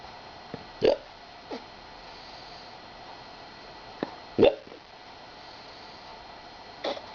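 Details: Short, sudden hiccups at irregular intervals, about 17 a minute, in a quiet room.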